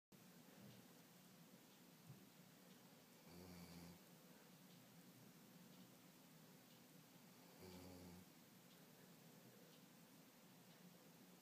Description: My lovely lab Anniewagtail having a nap! Snores like a human she does!